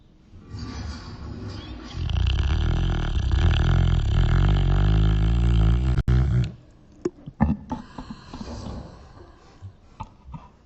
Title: Sleepy beagle snoring